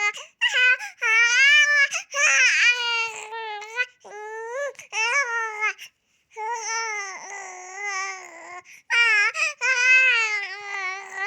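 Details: Crawling baby: high-pitched, wavering crying and fussing in repeated bouts with brief pauses; an ordinary infant cry.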